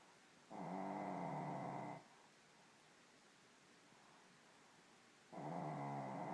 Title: Snoring Part 2